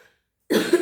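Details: A single short cough burst from an adult woman who apologizes for a slightly hoarse voice, after a brief silence in a small quiet room: cough.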